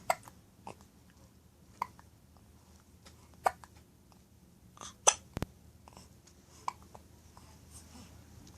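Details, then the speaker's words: Baby girl with hiccups, which the speaker attributes to drinking mother's milk: brief, sharp catching sounds at irregular intervals, about seven in eight seconds, in a quiet room; infant hiccups. "oh oops Yeah hiccups you got the hiccups baby girl you got the hiccups baby girl oh these hiccups so terrified so difficult"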